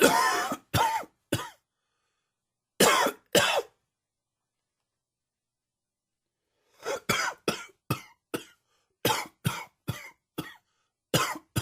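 Repeated sharp, dry cough bursts in clusters, about fifteen coughs with a pause between runs; an allergy-triggered coughing fit.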